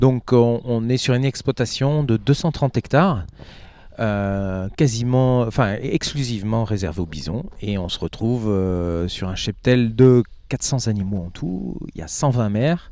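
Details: Adult male speaker; normal speech.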